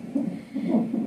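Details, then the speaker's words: A pregnant woman on day 7 in hospital, in labor, back on the fetal monitor: rhythmic whooshing Doppler pulses of the fetal heartbeat, with the baby moving a lot. "Kung naririnig niyo yan That's my baby breathing guys sobrang galaw ni baby chumchum siya kung narinig niyo yang sounds guys Ayan yung breathing ni baby she's jumping In My Belly"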